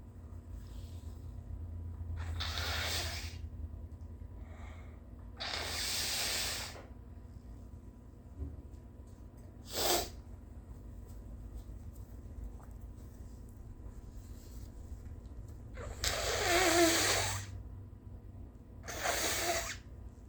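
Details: A very tired adult after a long night without enough sleep: late-morning sneezes, coughs and snotty nose blows, heard as several forceful airy bursts and wet blows over a low room hum.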